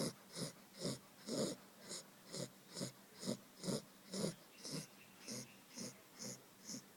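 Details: Two-month-old Labrador puppy asleep, snoring. Snoring.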